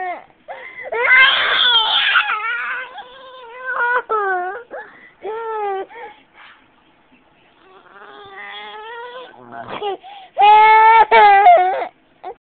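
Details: Infant girl, after eating, later found to have breathing problems (trouble breathing while eating) and treated with nebulizer: loud distressed crying bursts, a rough strained outburst, whimpering pauses, possible gagging; crying with coughing and gagging.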